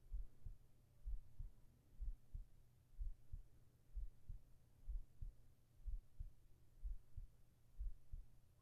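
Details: ASMR heart sounds for sleeping, recorded with a whispered voice: steady, soft, low heartbeats at about 60 a minute with even rhythm over a faint hum, a normal heartbeat.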